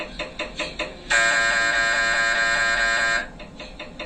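Rhythmic loud knocking, then a steady loud electronic buzz lasting about two seconds, then knocking again; an MRI scanner running, which is normal.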